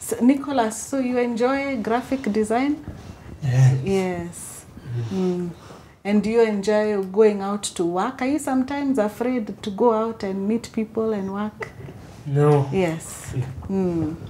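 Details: Adult woman speaking, with brief replies from a second voice; typical speech.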